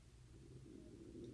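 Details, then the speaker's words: The speaker's own stomach growling during a talk, a faint, low, wavering rumble with soft gurgling tones: stomach growling (borborygmi). "Oh, my stomach growling. I hope you don't hear that."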